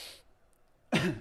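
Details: Adult with asthma and hay fever, hay fever triggering the asthma, on asthma medication: a brief breathy exhale, a pause, then one short, harsh voiced throat clear or small cough.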